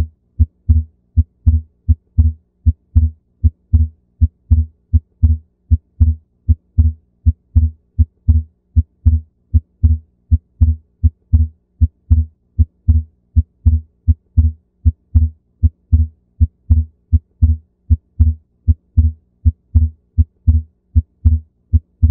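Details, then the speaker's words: Regular heart sounds at about 77 beats a minute with a split second heart sound, described as "lub-d-dub" instead of lub-dub. This is physiological splitting of S2 that widens and disappears with the breathing phases, a normal finding. "the splitting is seems like the word love the love love the love love the love instead of normal lub-dub lub-dub lub-dub I will make you hear the splitting of heart sound so this is a splitting of heart sound please here"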